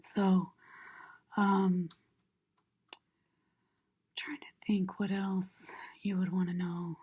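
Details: Adult woman with left vocal cord paralysis diagnosed about six months earlier, the fold fixed in the open position with aspiration and fatigue, after two short-lasting injection procedures and before medialization thyroplasty with arytenoid adduction: breathy voice from unilateral vocal fold paralysis.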